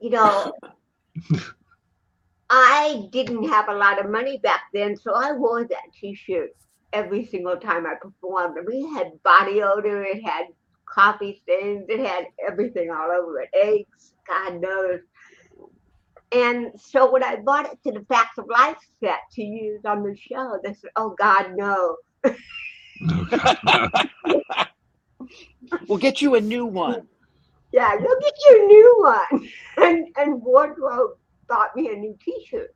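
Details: Dysarthria in an adult female actress and comedian with cerebral palsy; finding: dysarthria (cerebral palsy).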